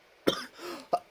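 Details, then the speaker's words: Adult awake at 2:55 a.m. with heavy-feeling breathing, cough and runny nose: a single sharp night-time cough, then a short breath and a brief second cough burst. "gimana rasanya itu agak sedikit berat ya di nafas karena batuk dan hidung berair batunya ini"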